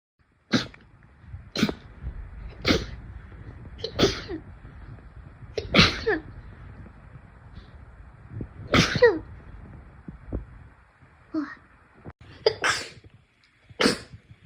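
A run of about ten sharp, explosive sneezes at irregular intervals of one to three seconds.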